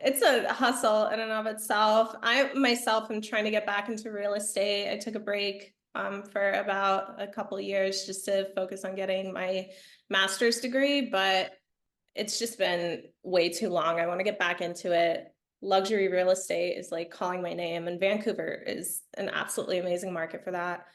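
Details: Adult woman speaking; normal speech.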